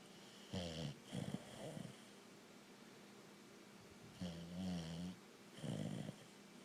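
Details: Sleeping pet keeping owner awake at night: low, rattling snores in paired bursts with each breath, pauses between them, quiet room; snoring.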